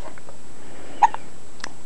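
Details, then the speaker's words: A baby boy, 3 weeks 4 days old and weighing 8 lb 7 oz, right after a bath and a feed: two or three brief, soft catching sounds over quiet room noise, ordinary newborn hiccups. "okay we've just had a bath and a feed and naturally now it is hiccup time you got to stop drinking all that booze I think hey"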